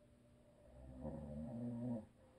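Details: A single low, rumbling, vibrating snore lasting about a second on breathing in, then quiet, from a husband who habitually snores; audio only.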